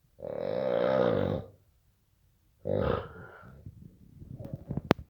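Two loud, drawn-out vibrating snorts separated by a pause, then softer rustling noises; loud snoring.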